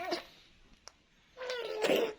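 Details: A sick young child coughing: two short coughs, one at the start and one near the end, with a small click and room noise in between.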